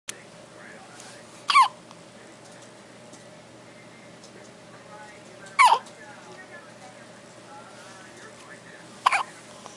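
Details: One-day-old baby with hiccups: three sharp, abrupt hiccups at irregular intervals, roughly 15 a minute, over a quiet background.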